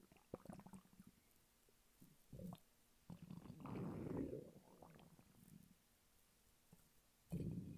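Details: A hungry adult man lying flat on his bed: irregular low stomach gurgles and a few longer rumbling swells with quiet gaps; hunger borborygmi.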